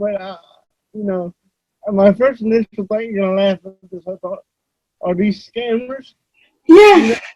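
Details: Adult male published author with cerebral palsy; voice-recognition software reportedly fails to understand him about half the time; dysarthria due to cerebral palsy.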